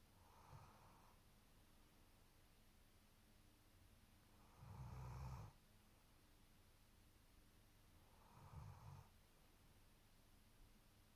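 Soft, low rumbling snores, about three in eleven seconds, from a sleeping dog, with steady room hiss behind them.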